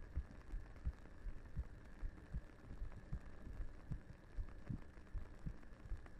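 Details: Heartbeat in a 3Dio binaural ASMR roleplay with reverse comfort: soft, low, muffled thumps, about 77 a minute, over a faint hum.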